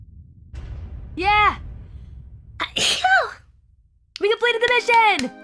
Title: Blessed sneeze